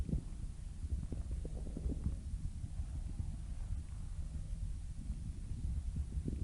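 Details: Low, irregular gurgling and bubbling rumbles with brief higher squelches over low background noise: stomach growling, bowel sounds (borborygmi).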